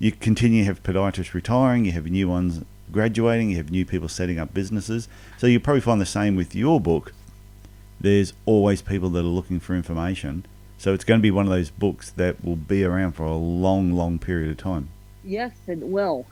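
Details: Adult man; no disorder.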